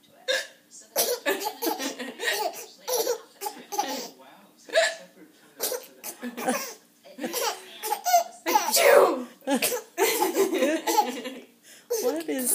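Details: 10-month-old baby laughing in bursts at short, sharp hiccup-like sounds made in fun; imitated hiccups.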